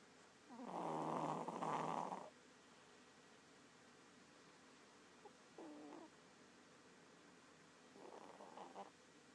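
One loud, harsh snore, then two fainter snorting breaths, in a quiet room. Snoring.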